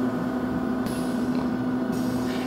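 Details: AirSep VisionAire 5 stationary oxygen concentrator running after warm-up while the flow meter is set: a steady low hum with constant machine noise and faint hissing; normal operation.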